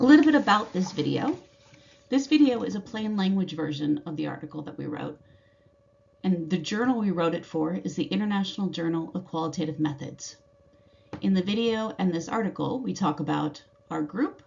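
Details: Adult woman speaking; normal speech.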